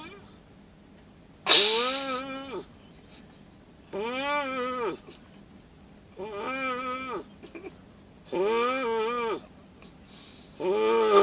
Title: bear snore